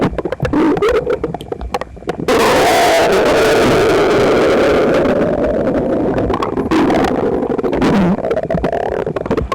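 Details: Loud, continuous gurgling and rumbling with squeaky, gliding tones, phone pressed against the belly of a visibly uncomfortable person digesting a breakfast of toast, eggs and milk: loud bowel sounds (borborygmi).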